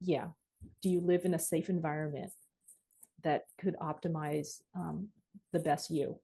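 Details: Dysarthria in a 26-year-old man with cerebral palsy from birth, born at about a pound and a half; his mother says the condition limits his expression.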